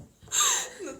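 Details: A single short, light sneeze from a Rocket Punch member during a live broadcast: a brief hissing burst with a small voiced tail.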